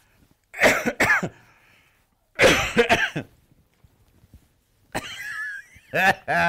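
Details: Cough.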